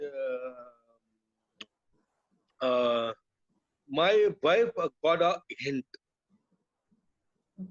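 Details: Adult man with non-fluent aphasia after a brain haemorrhage (burst) stroke hitting his speech centre; told he would never speak again; relearned speech through years of speech therapy; still hesitates and cannot always finish sentences; non-fluent aphasia after stroke.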